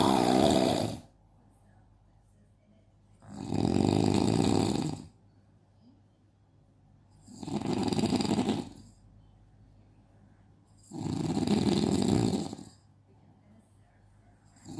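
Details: Loud, rough snores with each breath in, about 14 a minute, separated by quiet pauses; a baby is startled on hearing the snoring.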